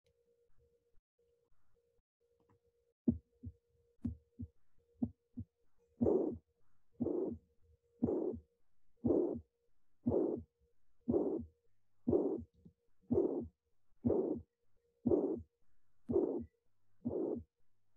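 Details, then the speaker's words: Mitral regurgitation: regular heartbeat near 60 a minute with a long blowing holosystolic murmur filling each systole. "mitral regurgitation murmur is best heard over the cardinal effects the intensity of the murmur increases truth maneuvers at increased left ventricular afterload such as hand grip"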